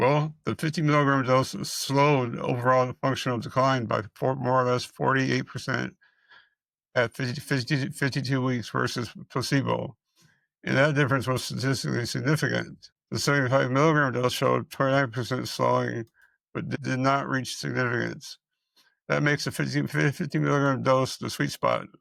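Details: Dysarthria in an adult man with multiple system atrophy, which he describes as fast-moving; real, unacted speech.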